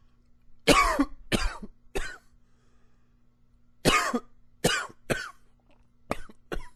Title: Coughing 25